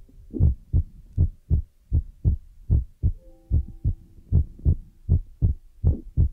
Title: AMSR feather rod brush scratch heart beat trigger water sound ear massage relax by chinese cute girl